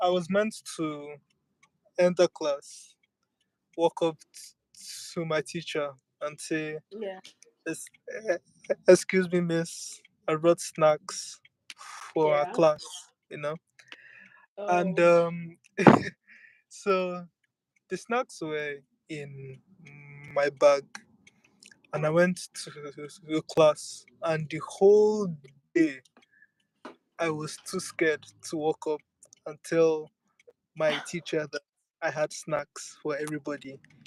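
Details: Stuttering in a speaker who accepts and lives with the stammer rather than using avoidance strategies.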